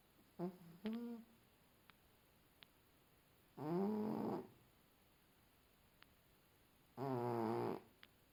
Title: cat snoring